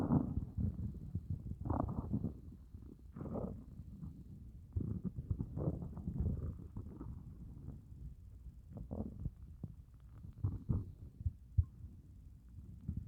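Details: Stomach growling after fasting over 30 hours: low continuous rumbling and gurgling with groaning swells from an empty, hungry gut; normal borborygmi.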